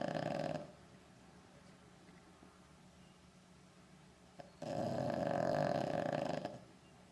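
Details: Two loud, rough, rattling snores separated by a quiet out-breath from a sleeping male who does not wake when called; ordinary snoring.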